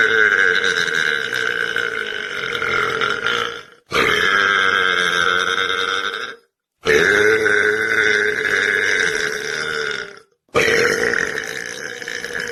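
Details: Male belching: four long, loud, drawn-out belches with brief pauses between them.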